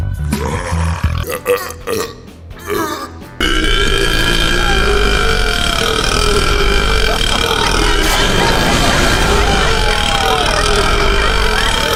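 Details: Burping compilation: several short belches early on, then loud music takes over; burping.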